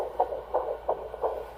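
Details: Fetal heartbeat on ultrasound scan: fast, regular whooshing pulses, about 170 beats a minute, in a healthy pregnancy.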